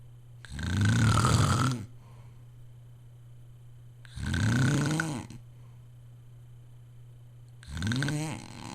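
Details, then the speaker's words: Father snoring loudly enough to hear from another room; family suggests a sleep study. Loud, deep, rattling snores on each breath in, about 17 a minute, steady low room hum. "I got Dad on tape snoring. Alright. Turn down your TV so he can hear how we could even hear it in here."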